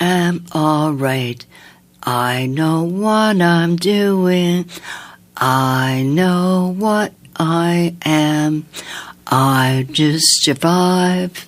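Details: Woman with aphasia after an aneurysm, heart attack and two strokes in 2012 at age 54, with right-side paralysis; relearned speech over nine months with a speech-language pathologist; sings more easily than she talks; speech worse when tired.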